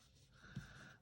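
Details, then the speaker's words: A female Yorkshire terrier snoring in a craft studio: a single low, rough snort, with a steady faint hum in the room. "if you guys hear that snoring that's my yorkie she likes to hang out with me in the craft studio my stamp studio so she's always in here with me"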